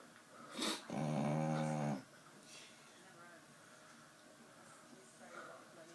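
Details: A sleeping female Staffordshire Bull Terrier gives one loud, rumbling, buzzy snore lasting about a second, followed by quieter breathing: heavy snoring.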